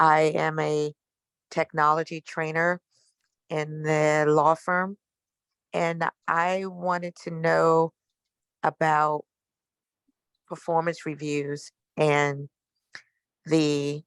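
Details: Adult technology trainer at a law firm who stutters, asking a question in a webinar; stuttering.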